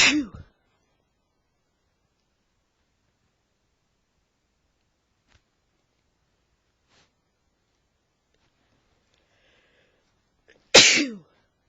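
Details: Adult male sneezing during an allergy flare-up: two loud explosive sneezes separated by about ten seconds of near silence.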